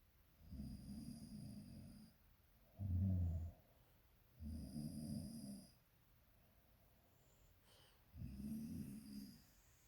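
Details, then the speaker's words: Loud, low, rattling snores in regular cycles about every 2.5 seconds with quiet pauses between, heard by someone kept awake by the noise: ordinary snoring. "잠이 안와 너무 시끄러워 너 코 골았어"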